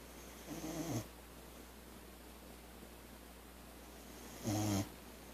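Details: Sleeping Boxer dog snoring, possibly partly woken by the camera starting and louder before this; two rattling, buzzy snores about four seconds apart with quiet breathing between; ordinary snoring.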